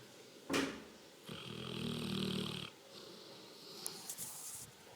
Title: dog snoring